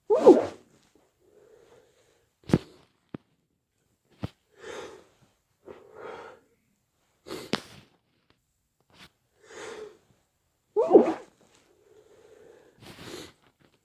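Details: Late-night sneezing kept quiet-ish: several sharp sneezes with short breathy gasps and sniffs between them in a quiet room; repeated sneezing.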